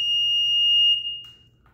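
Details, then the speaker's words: Apnea monitor alarm on an infant apnea monitor: a single steady, high-pitched electronic tone about a second long, signalling a bad lead connection; check cable plugged fully in and lead placement. "ahora sí tiene una gamba de conexión mala lo que va a hacer es apagar la máquina primero va a ser así"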